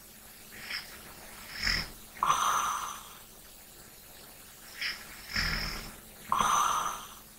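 Two slow breath cycles with a rattling snore on each in-breath and a softer breath out; ordinary snoring during sleep.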